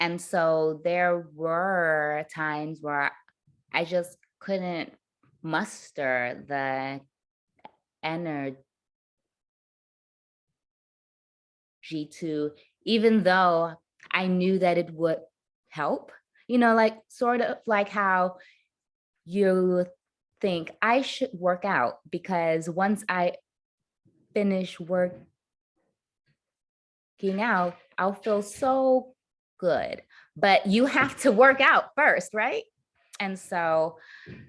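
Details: Adult woman who stutters; her stutter worsened under the stress of caregiving for her mother and grandmother with dementia, at times becoming nearly unintelligible; stuttering.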